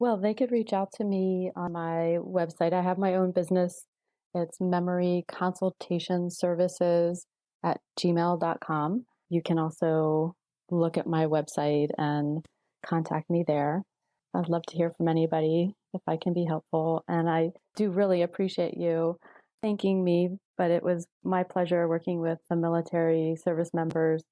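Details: Adult woman speaking; typical speech.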